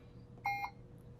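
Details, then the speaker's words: Single short electronic accept tone over quiet room hum as a volume-mode setting is confirmed on a Puritan Bennett 560 home ventilator: ventilator keypad tone. "And when you get to where you want, then you just press the accept key there."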